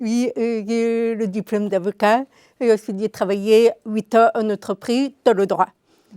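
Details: Deaf speech in an adult woman with congenital deafness diagnosed at 9 months; she learned to speak through years of speech therapy.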